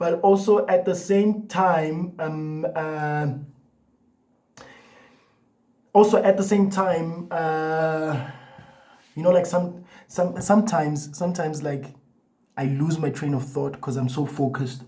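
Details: Adult man with a lifelong stutter who has had a year and a half of therapy, attends a support group and does breathing exercises, so the stutter may be partly masked; stuttering.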